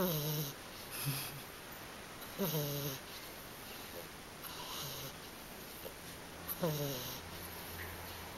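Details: A young black Shiba Inu dog snoring while sleeping peacefully.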